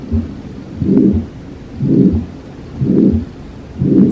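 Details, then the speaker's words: Harvey cardiology patient simulator, about 60 beats a minute, each beat followed by a harsh rushing murmur: aortic stenosis, turbulent flow through a stiffened, tight aortic valve. "yes so now we hear that turbulence as the blood is trying to push through an arctic valve which is stiffened and doesn't let the blood flow through as readily as it would in the normal case"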